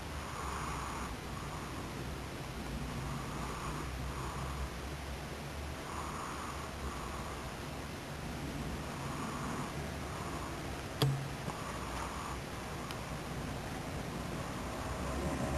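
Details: Soft, regular rasping breaths over steady room noise, about every 3 seconds, from a sleeping black cat, with the nostrils moving. Snoring.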